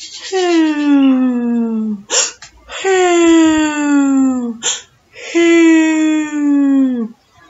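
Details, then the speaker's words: An imitated bronchial breath sound: a loud, hollow, pipe-like sound with a long inspiration and a distinct pause between inspiration and expiration. "a loud hollow pipe with a long inspiration and there's a distinct pause between the in and out and that's called bronchial"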